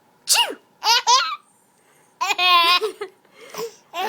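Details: A grandmother's pretend sneezes, sharp bursts each followed by a baby boy's giggles; imitated sneezing, not a real sneeze.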